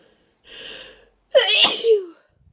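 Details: Deliberately induced wet sneeze, itchy and tickly after a long break from inducing: a drawn-in breath followed by one loud, wet, explosive sneeze.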